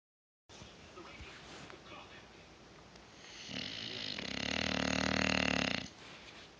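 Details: Quiet breathing building into one long, loud, rattling snore of about two seconds from a sleeping dog.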